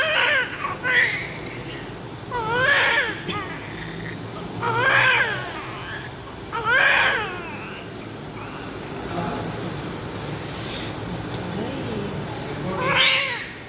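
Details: Newborn baby, born after 9 months 10 days of pregnancy, very active, crying during cleaning right after birth: about five loud rising-and-falling cries separated by short pauses over room noise.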